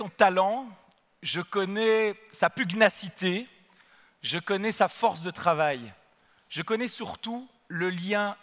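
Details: Adult man speaking French; Normal voice.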